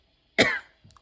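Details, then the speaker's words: Single short dry cough from an adult woman, one of a little dry cough every few seconds from allergy-triggered asthma flare-up in cold, changeable weather; she states it is not COVID-19. "But it also messes with my asthma sometimes, which gives me this, like, little dry cough, like, every few seconds."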